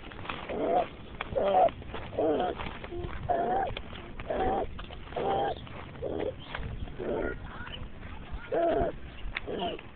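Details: Walking child with repeated harsh, pitched crowing breath sounds: stridor from a narrowed upper airway.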